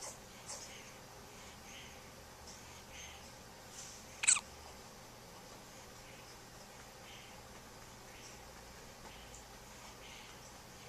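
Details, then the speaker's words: Sleeping infant daughter hiccuping: faint, tiny squeaky hiccups like a little mouse at fairly regular intervals in a quiet room, one louder click midway; recorded on a Flip Video camcorder. "This is our daughter hiccuping. She's asleep and she's hiccuping. It's like a little mouse."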